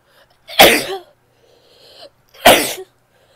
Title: sneezes (f)